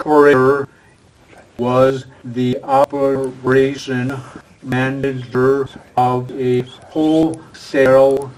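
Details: Adult man with aphasia following a stroke, a former professional attending an aphasia conversation group for support and communication practice; real patient speech showing aphasia.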